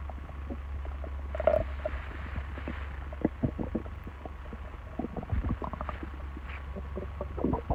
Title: Stomach noise